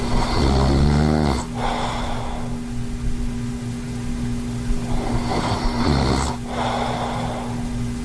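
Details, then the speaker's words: Adult with moderate sleep apnea, sleeping with a Zquiet anti-snoring mouthpiece: two low, rattling inhaled snores about five seconds apart over a steady electrical hum; snoring. "even if you are a back sleeper if you just like roll your head to one side or the other z quite will stop your snoring"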